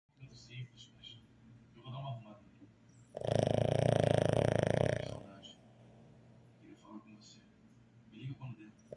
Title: Roncando kkkkkk